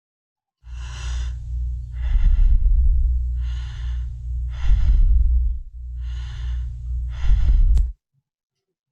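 Soft, even breath sounds alternate in and out at a steady pace, with a low hum underneath. This is normal breathing at ordinary depth and rate: quieter and slower than the deep, labored Kussmaul pattern it is compared with.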